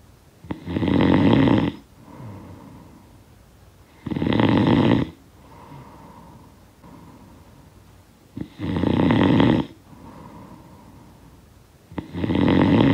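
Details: Snoring sound effect of a sleeper: loud rattling snores on each breath in with quieter breaths out, about 18 breaths a minute; ordinary snoring.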